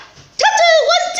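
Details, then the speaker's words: Person with Tourette syndrome during a hospital stay: after near silence, a sudden loud, high-pitched voiced cry bursts out and holds, an abrupt vocal tic. "these are what they call them complex tics they're like your phrasing and your words so they are sort of your standard Tourette's that everybody knows"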